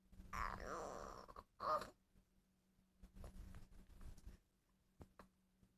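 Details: 2-month-old girl making a long strained groan, then short gaspy grunts and breathy effortful noises while straining mid-bowel movement; parent unsure whether normal.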